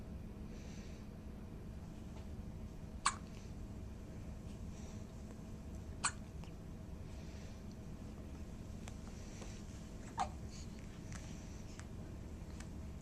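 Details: Hiccups: three sharp, brief hiccups spaced a few seconds apart over steady room hum; ordinary hiccups.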